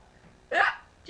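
A single abrupt, short voiced gulp in a quiet room, typical of a hiccup.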